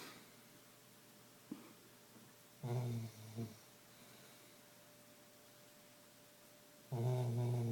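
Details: A sleeping Labrador dog makes low, rumbling snores in short bursts against a quiet room hum; snoring.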